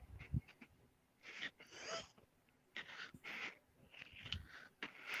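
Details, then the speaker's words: Person who says they have been smoking heavily: noisy, whistling breaths in and out with a high musical edge on several breaths; wheezing. "I keep hitting it a couple times I put it down five or 10 minutes pick it up hit it few more times put it down but I've been smoking so much I'm wheezing real"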